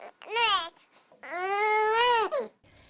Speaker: is the word that the baby will make when he or she is hungry with this word it's actually created by reflex which is the sucking reflex